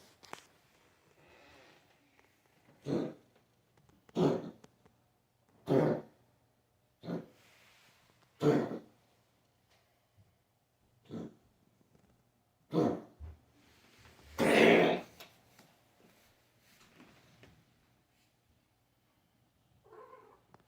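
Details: A cat gives a series of about nine short, dry, hacking coughs in a quiet room.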